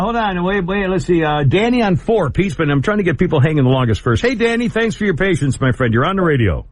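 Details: Adult male radio host; normal speech.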